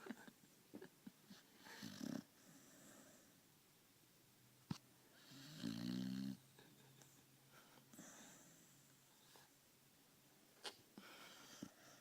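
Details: Female dog asleep after a hard day of walking and eating gives a few rough, fluttering snores in a quiet room with small rustles; snoring.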